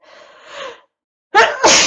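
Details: A soft breathy inhale, a pause, then a sharp explosive sneeze with a hissing burst of air; an ordinary sneeze during a sneezing attack in an adult.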